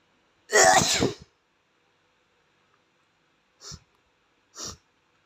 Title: Asian boy sneezes until his nose runs 👃💦